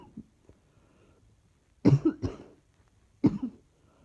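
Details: Persistent cough: three harsh coughs in a quiet room, the first two close together.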